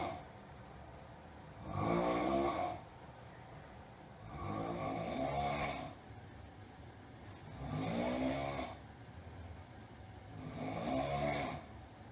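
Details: Loud, noisy rattling snores on each breath in, about four in twelve seconds, roughly 20 a minute, with quiet breathing between; snoring too loud for a listener to sleep.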